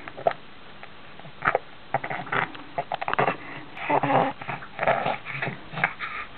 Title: Coughing and Spitting